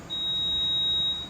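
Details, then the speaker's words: GE anesthesia machine starting its full pre-use self-test after the circuit is closed and confirm is pressed: a single steady high-pitched beep lasting about a second. "okay so then we're just going to press confirm on it and it start testing"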